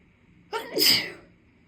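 A single sneeze: a short indrawn breath, then a forceful, hissing burst of air that fades within about half a second.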